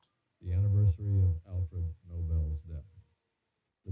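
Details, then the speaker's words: Male-voice speech played through a hearing loss simulator for bilateral moderate/severe sensorineural hearing loss due to otosclerosis, right ear; the speech is audible but clarity is poor, making it a struggle to work out what is said. "so what you would notice there is again audibility issue Clarity is actually a bit worse for the male voice and you know struggling to work out what is being said"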